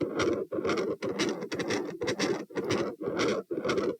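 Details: Heart recorded at position P, standing: separated S1 and S2 at about 120 a minute morph into a continuous rough, rushing machinery murmur focused over S2, sustained minutes, consistent with patent ductus arteriosus; aortopulmonary window or collateral vessel possible.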